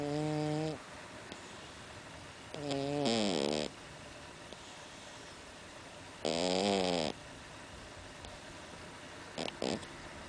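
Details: Sleeping cat with rhythmic, whistling, tonal snores about every three to four seconds, roughly 17 a minute, with quiet breaths between: snoring.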